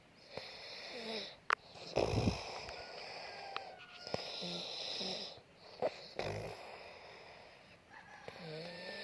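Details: Sleeping man (brother): rough, rattling breathing with snorting bursts, some whistling, and room noise; snoring.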